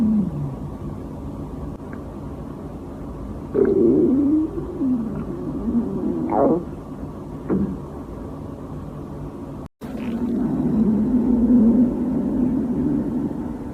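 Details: Hungry girl's stomach growling from hunger: low, drawn-out gurgles and rumbles with some squeaky rises over a steady room hum; borborygmi.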